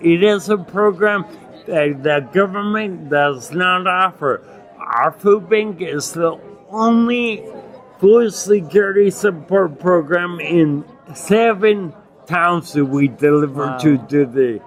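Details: Adult man with non-progressive acquired ataxia and myoclonus (Lance-Adams syndrome) after severe brain damage from Legionnaires' pneumonia and a 12-day induced coma in 2011; reports difficulty speaking and articulating and getting winded when speaking; ataxic dysarthria.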